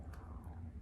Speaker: you hear that that's my stomach growling I am hungry so goodbye see you later adios